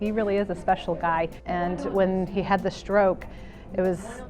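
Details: Adult woman speaking; Normal speech.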